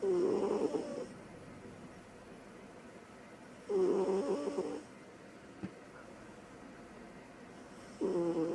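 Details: A female cat that plays hard and sleeps hard, asleep, gives three rhythmic rasping snores about 3.5 seconds apart (about 16 a minute) with quiet pauses; cat snoring.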